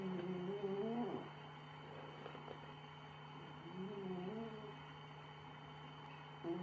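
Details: Two wavering, whistly, humming snores about three seconds apart from a sleeping cat, suspected of developing obstructive sleep apnea, heard over a steady low electrical hum; snoring.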